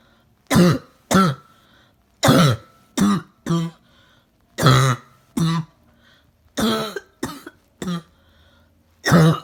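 About a dozen harsh, hoarse coughs in clusters, some with a brief whine: a barking, seal-like cough typical of upper airway swelling such as croup.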